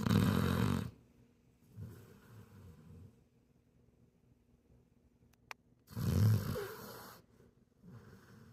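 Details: Loud, low rattling snores on each in-breath, with softer out-breaths between, from a sleeping American Bully rescue dog in a quiet room; snoring.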